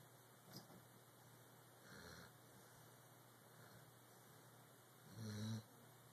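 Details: Quiet room with soft, widely spaced sleep breaths and one louder rattling snore near the end; snoring.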